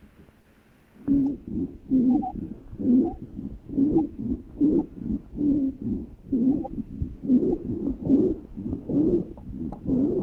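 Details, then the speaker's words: Whistling, musical breath sounds from turbulent airflow, played in a pathophysiology lecture; wheezes in bronchiolitis. "los sonidos que ustedes van a tener que es como un silvido no y es por eso es que se dice sibilante se meja ese silvido"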